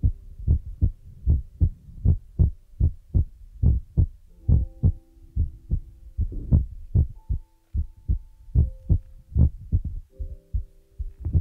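Deep, soft rhythmic thumps at about 75 per minute, somewhat irregular in spacing, with a faint hum; a heartbeat-like sound.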